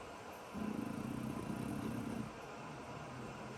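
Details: French bulldog puppy sleeping on a rainy morning: a single low, fluttering snoring rumble under two seconds over steady rain hiss.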